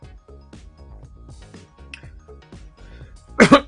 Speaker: you'll have to excuse my voice and coughing thoughts i'm still full of cold still not well so um i'm doing the best i can